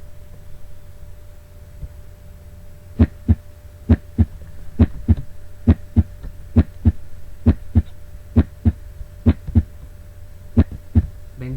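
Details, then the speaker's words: Educational heart cycle animation showing cardiac chambers as heart sounds play: regular paired lub-dub at about 67 beats a minute, normal rhythm with valve closure sounds; normal heart sounds. "ahora vamos a escuchar aquí vamos a ver un videíto cardíaco se ven las cámaras del corazón a medida que van pasando los ruidos cardíacos"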